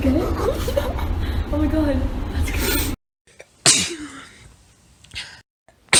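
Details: A person sneezing repeatedly: a noisy stretch with music and voices, then a quiet gap and one sharp sneeze with a fading tail.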